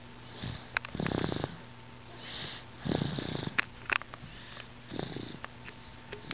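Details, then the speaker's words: Young child sleeping in his car seat, snoring like a cat: rough, purring bursts on each breath, roughly every two seconds, over a steady low hum; snoring. "sleeping in his car seat, and he's snoring. He sounds like a cat."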